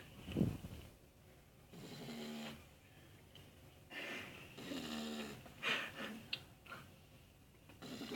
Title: Cane Corso asleep and snoring